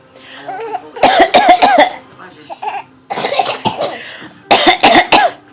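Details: Young child giving several short, deliberate forced coughs in quick clusters, a voluntary fake cough rather than illness.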